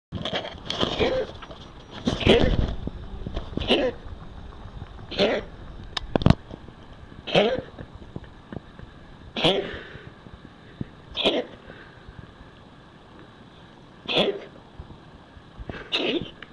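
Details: A male cat gives repeated harsh, forceful cough-retch bursts about every two seconds in a quiet room: severe coughing and retching.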